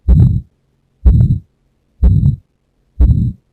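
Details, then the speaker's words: Severe aortic stenosis from degenerative calcification: regular beat about 62 per minute with rough ejection systolic murmur at right second intercostal space; exam-station demonstration. "So in this survey, what I found there is an ejection systolic murmur here on the right second intercostal space. So right second intercostal space that I found, there is an ejection systolic murmur."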